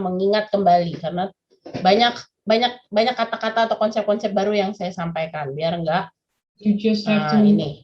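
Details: Adult woman speaking Indonesian; ordinary speech.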